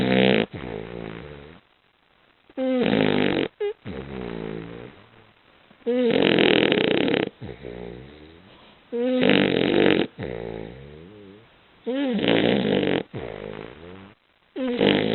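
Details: Basset hound snoring very loudly in sleep: loud, rough, pitched snores on each breath, about 20 a minute, with softer rattling sounds between them.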